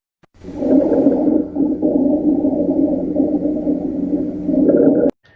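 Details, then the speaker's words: Rhonchi: continuous low, rumbling, snore-like sound lasting about five seconds, from the bronchi. "for ronai know that these affect the brona it's a rumbly"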